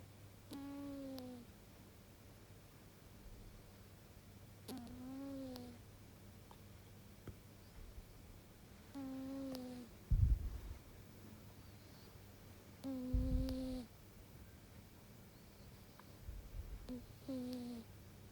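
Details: Sleeping cat making soft, whistly snoring sounds on each breath, about 14 breaths a minute; cat snoring.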